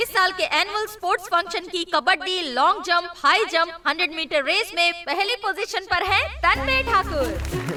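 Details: Adult woman, dubbed film dialogue; normal speech.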